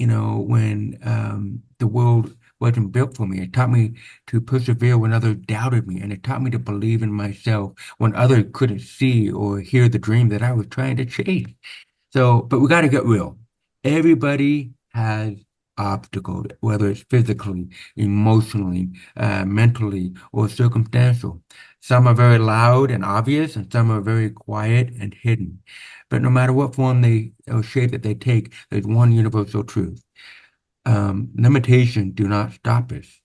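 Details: Deaf speech (hearing-loss accent) in a man born with very severe/profound hearing loss (about 90%), with over 13 years of speech therapy; real, not acted.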